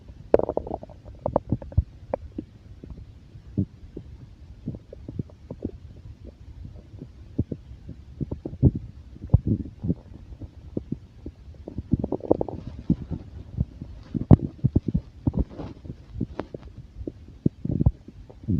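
Frequent low gurgles and squelching rumbles from the abdomen throughout; ordinary stomach growling of moving gas and fluid.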